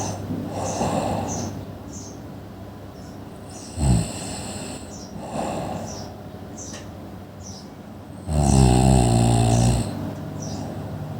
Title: Snoring | Annoying Sounds นอนกรน เสียงที่น่ารำคาญ